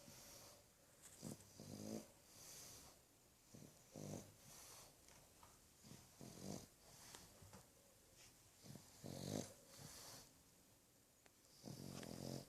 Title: Handsome ROMEO Black Pug Snoring.